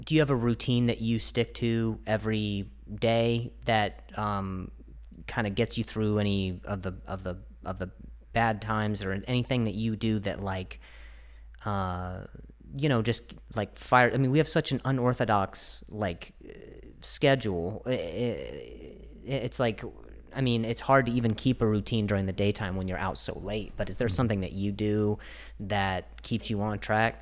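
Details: Stuttering in an adult host who is described as fighting through a stutter; word repetitions are audible.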